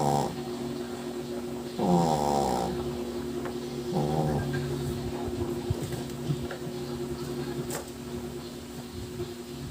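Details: Sleeping shih tzu foster dog: rattly, buzzing snores, about three in ten seconds, over a steady background hum, ordinary snoring.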